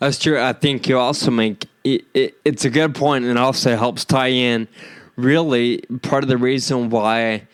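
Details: Adult podcast host with Friedreich's ataxia, which causes loss of muscle control in the legs and arms, impaired balance and slurred speech; ataxic dysarthria (Friedreich's ataxia)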